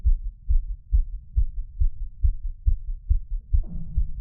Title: mic picks up heartbeat (boosted audio)